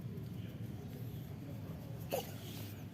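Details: A cat with a rainy-season cold and cough gives one short, sharp sneeze over a steady low room hum.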